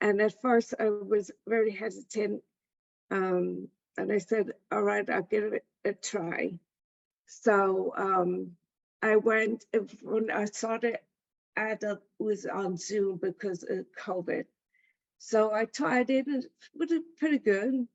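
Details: Adult woman with aphasia after a stroke; aphasia.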